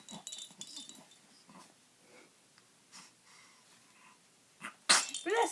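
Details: Sneezing on a play gym: soft sniffing and snuffling, then a sharp, explosive sneeze from a dog.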